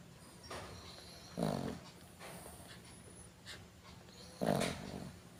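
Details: A sleeping dog snores with rough, rattling sounds on its breaths, about three snores in five seconds, against quiet room noise.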